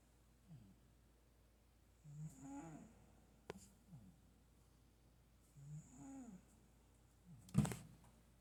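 Soft, low rattling snores with each breath, about two in eight seconds, in a quiet room; a sleeping cat snoring.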